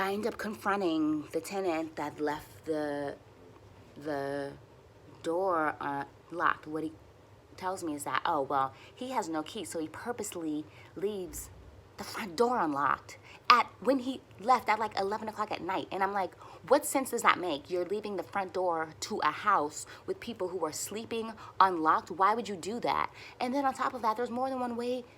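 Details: Stuttering in an adult woman who uses easy onsets, light contacts and voluntary stuttering for nearly fluent speech; she is frustrated and tense here and says her stutters are a little long.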